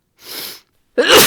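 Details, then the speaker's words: Adult woman with a cold, sick all week with sinus pressure, sneezing into tissues: a breathy inward build-up, a brief pause, then one loud explosive sneeze. "oh God I'm going to run out of tissues God I have to sne so bad just trying to get this all out of me"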